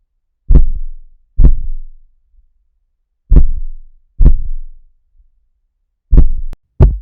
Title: PUPPY HEARTBEAT SOUND | HEARTBEAT Sounds For Puppies